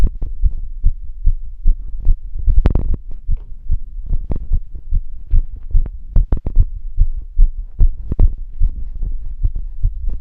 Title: Longer Heartbeat recording while being active